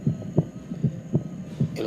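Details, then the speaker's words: Stethoscope diaphragm at the accessory aortic focus (left sternal border, third intercostal space) in a teaching auscultation demonstration: regular lub-dub beats, about 80 per minute, no added sounds; normal heart sounds. "Le pediremos al paciente que respire profundamente, pues así podremos apreciar el desdoblamiento fisiológico del segundo sonido. Es en este foco donde se identifica mejor."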